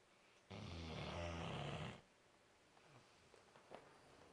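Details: Four-month-old puppy snoring in sleep: one long, low, rumbling snore lasting about a second and a half, then quiet room noise.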